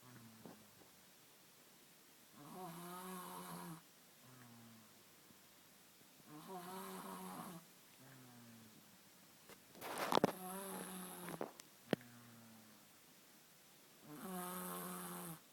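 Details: Snoring heard at night that woke the listener as an unfamiliar sound: regular buzzing snores alternating with softer breaths, about four cycles in fifteen seconds, with faint clicks in the room; snoring.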